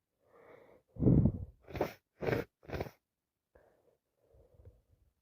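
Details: A quick run of three or four sharp, noisy sneezes between quieter breaths and sniffs, from someone with a worsening common cold with non-stop sneezing, nose-blowing and coughing; repeated sneezing.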